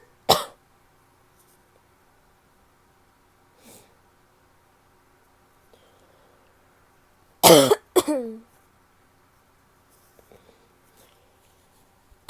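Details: Three sharp coughs from a woman, two back to back, plus a faint cough, in a quiet room.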